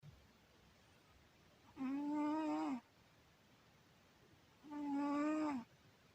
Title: Кот Сёма! Сладко спит и храпит! Наверное что-то снится!!! Cat Syoma sleeps sweetly and snores!!!